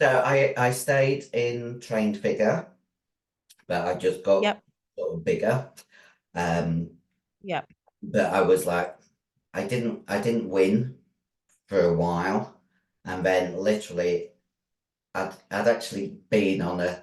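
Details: Female bodybuilder with androgen-induced voice deepening (virilization) after taking large doses of male steroids (performance-enhancing drugs). Her voice was formerly high-pitched and is now very deep, and she can no longer sing. She also has chronic kidney disease from drug use.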